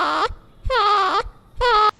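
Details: Expiratory grunting.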